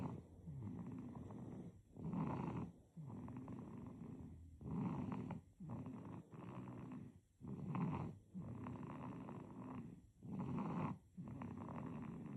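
Soft rattling snore on breathing in and out, about 22 breaths a minute, steady rhythm during sleep; infant snoring.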